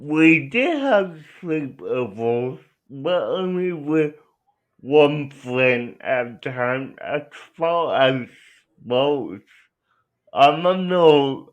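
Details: Dysarthria in a young adult man with cerebral palsy who uses a wheelchair and has been out of school six years; speech largely unintelligible to transcription.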